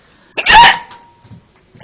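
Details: A single abrupt, loud hiccup with a short voiced squeak in a quiet room, during a bout of hiccups.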